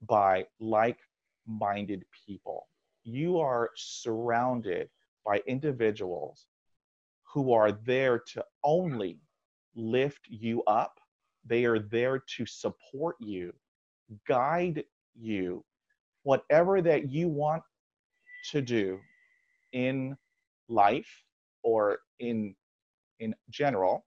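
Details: Adult man who has stuttered for 43-44 years, since age five after a dog attack, when his speech dropped to zero; over two decades of speech therapy through school; stuttering.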